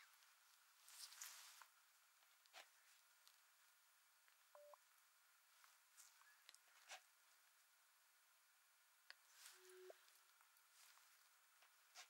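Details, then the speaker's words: Simulated hearing test in an ASMR role-play for clogged ears: two brief, quiet pure beeps at different pitches through headphones, with soft clicks and rustling between them; audiometry test tones. "Dobra? Więc w porządku, więc usłyszysz serię dźwięków. Chcę, żebyście podnieśli rękę, która odpowiada stronie, z której słyszycie ton."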